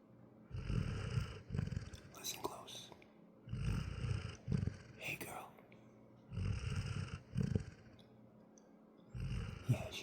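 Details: Basset hound sleeping deeply and exhausted after a long walk: low rumbling snores about every three seconds, with soft snorting and sniffing between them.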